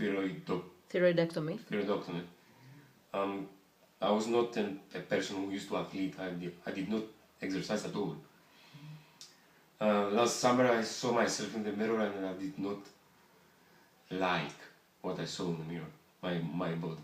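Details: Adult man with bilateral vocal fold paralysis diagnosed 8 years earlier after thyroidectomy, recorded after about seven sessions of integrated voice therapy; bilateral vocal fold paralysis, voice after therapy.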